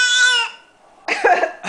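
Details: Imitated cough: an infant girl gives a high-pitched playful squeal, a brief pause, then one short, harsh, noisy burst, a fake cough while playing.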